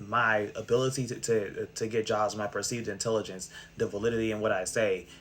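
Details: Person who has stuttered since they could talk, had six years of speech therapy, and says the stutter is now much less prominent and masked.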